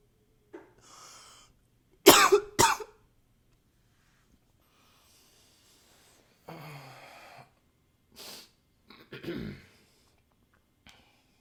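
A pair of loud, sharp coughs amid quieter breathing, sniffing and nose-blowing sounds.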